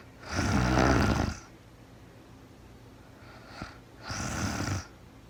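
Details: Real-time recording of a sleeping woman snoring: loud, rough, rattling snores on the in-breath, with a soft breath between.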